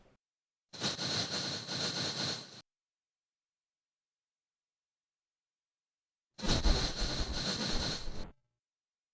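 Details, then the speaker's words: Simulation of speech heard through a newly activated cochlear implant before mapping rehabilitation: two bursts of harsh, buzzy, machine-like noise that is actually human speech. "하지만 처음 착용했을 때 들리는 소리는 이렇습니다"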